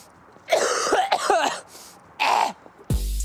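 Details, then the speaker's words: Young adult woman with a chronic cough since 2018 and coughing attacks: a run of harsh, throaty coughs in quick succession during a brief coughing fit. "- The last time I remember not feeling sick with my cough was 2018. It's literally hard to like, talk or do anything 'cause I'm having coughing attacks."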